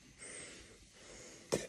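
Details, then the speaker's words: Person with ALS having breathing difficulty, treated recently with morphine and Ativan, hospice called: noisy, effortful labored breaths with a faint wheezy edge, ending in an abrupt sharp intake of air. "the last couple of days I had to use some more feed after taking some Ativan to get my breathing calm down"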